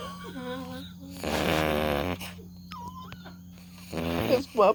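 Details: Sleeping beagle puppy giving a loud, buzzy snore over steady room hum and faint background sounds.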